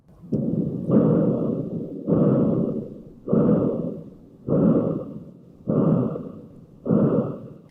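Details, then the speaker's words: Normal arteriovenous dialysis access bruit (fistula or graft), heard as low, rhythmic whooshing pulses about 50 a minute showing good flow; an abnormal access would sound shorter and higher-pitched. "that nice rhythmic whooshing sound is normal."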